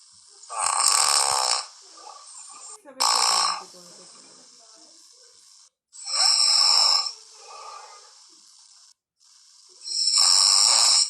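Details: Loud, rough snoring bursts recurring at irregular intervals, roughly 16–20 per minute, during sleep.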